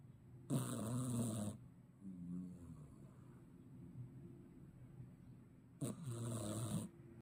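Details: Sleeping cat snoring: two loud, rough, rattling inhalation snores about five seconds apart, with a softer exhale between.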